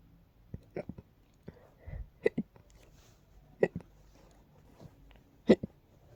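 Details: Hiccups that turn into sneeze-like hiccups and then sneezes: quiet, short, abrupt catches of breath recurring irregularly, some with a small voiced squeak.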